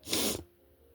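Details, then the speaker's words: Adult's brief, stifled hissing sneeze that fades quickly into quiet. The person woke up sneezy and says allergies are really bad today; it is one of repeated sneezes. "Uh, I woke up so sneeze sneezy this morning. So, I thought I'd record some Oh, no."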